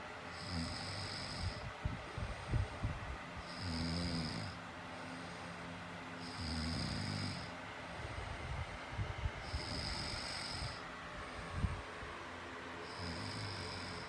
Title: Snoring 11